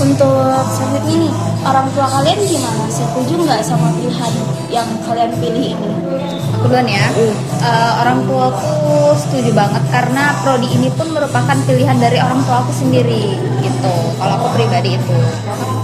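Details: Adult speakers in conversation; Normal voice.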